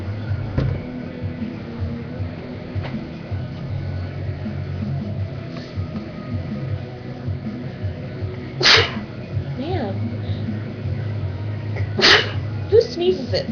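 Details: A woman sneezing; two sudden, sharp sneeze bursts heard over background music and room noise.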